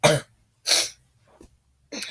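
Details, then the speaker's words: Sick young person with a sore throat coughing during illness, a cough they call a "moose cough": two harsh, explosive coughs, a faint breath, then the brief start of another cough. "So whenever I get sick, as you can hear already as I'm coughing, when I get sick and I get a sore throat, for some reason, when I cough, it"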